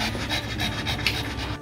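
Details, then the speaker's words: Dog with a squishy nose and suspected brachycephalic obstructive airway syndrome (BOAS): rapid panting with rough, snorting, rattly stertorous noise on each breath, typical of obstructed upper airways. "your dog have a squishy nose like these does your dog breathe like this your dog may be suffering from boas"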